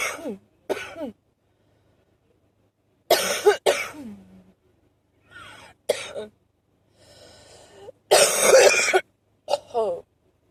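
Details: Short wheezy allergic cough: short bursts of harsh coughing with faint whistling breaths between them; something is finally brought up at the end.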